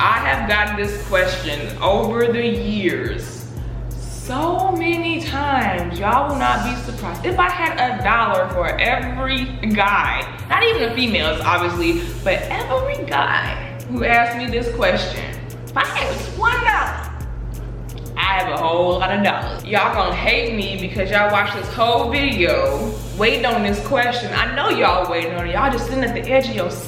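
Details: Adult woman who stutters, who says she stutters less when angry; stuttering.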